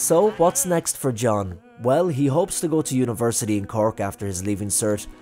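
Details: Adult male narrator; ordinary speech.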